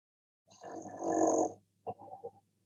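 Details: Normal sleeping dog in REM sleep, with rapid eye movements: light snoring.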